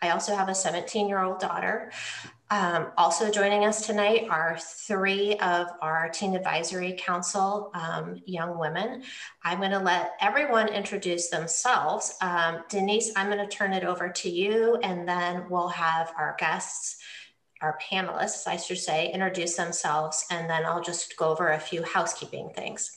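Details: Adult woman; normal speech.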